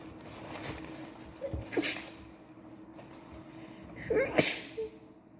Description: Today has not been a good day, I can't stop sneezing.